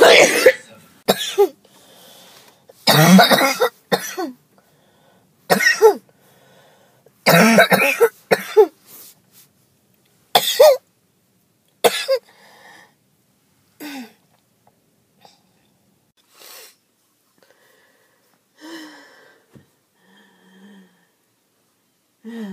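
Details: Choking, hacking cough: repeated harsh coughs with choking throat-clearing and gasps, from a person after skipping breathing treatments; they hoped it was allergies and report chest pain.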